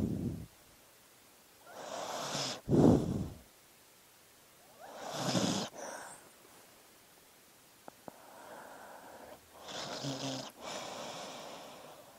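A sleeping dog gives irregular snorting, snuffling breaths with short snores, about 23 a minute; ordinary sleep noises.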